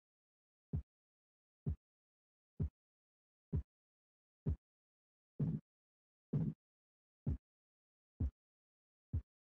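Ten regular low thumps at about 65 a minute, louder in the middle: Korotkoff sounds heard while a blood pressure cuff deflates.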